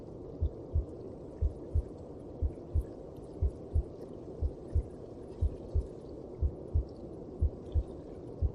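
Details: Heartbeat heard in the mother's belly, as from within the womb: muffled, regular paired thumps at about 60 per minute over a low rumbling hum.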